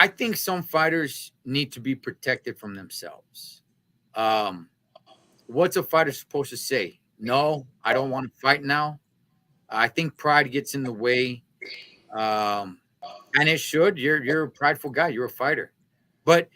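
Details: Adult male speaker; normal voice.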